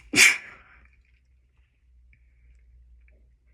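A single sharp, hissing sneeze held in and cut short, then quiet; a stifled sneeze.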